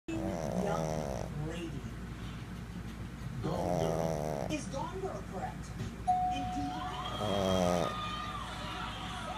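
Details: Pug dog sleeping and snoring: loud rattling snores, roughly two heard, with a television and faint talk in the background; snoring.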